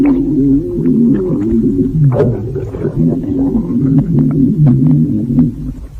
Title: A Stomach Growling Chaos